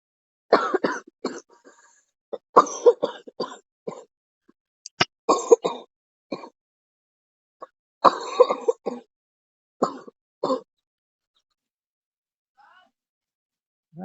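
An adult gives a run of deliberate, faked coughs and throat-clearing sounds, not a real illness.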